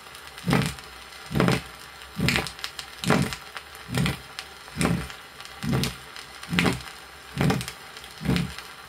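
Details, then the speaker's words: Isolated aortic stenosis on a 1962 teaching record: regular heartbeats about 69 a minute, each with a low, coarse systolic murmur and a weakened second sound over the aorta. "при изолированном стенозе усти аорты выслушивается низкой грубой систолической шум и ослабление второго тона на орти прослушайте"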